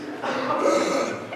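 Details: Imitated hoarse voice from vocal strain by an adult male voice actor, recreating how he sounded the morning after a 2-hour session of solid screaming; he was sent home to rest and heal.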